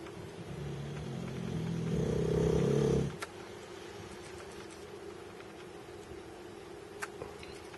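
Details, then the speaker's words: Boxer dog snoring in the background of a dark-room camera test recording: low rough rumble over steady hum, with faint tapping/clicking from the camera autofocus; snoring. "and you could hear some of the background noise of my boxer snoring"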